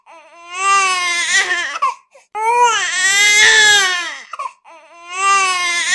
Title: Free sound effect of a crying baby /Efecto de sonido de bebé llorando #viral #sound #fyp #free